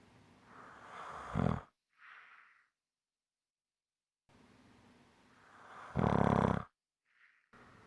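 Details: Strong snoring: loud, harsh, rattling snores on inhalation, each building from quieter breathing, then short exhaled puffs and pauses.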